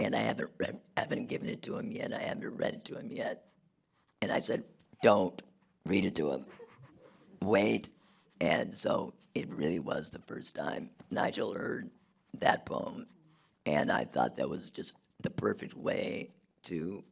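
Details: Adult man whose larynx was removed in 2016 due to long-term radiation damage from cancer treatment 19 years earlier, speaking with an artificial voice and breathing through a neck stoma; alaryngeal speech after total laryngectomy.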